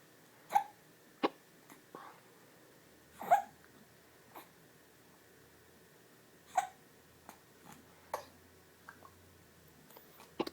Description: Baby has the hiccups so does mommy with the phone.